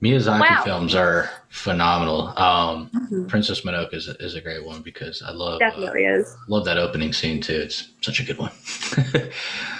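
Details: Adult male speaker; Normal fluent speech.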